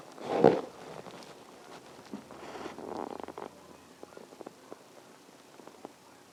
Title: stomach growling 3